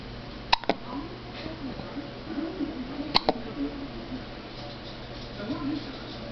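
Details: Her hiccup attacks are pretty common; two sharp, abrupt hiccups about 2.5 seconds apart, each a quick double catch, over quiet room noise.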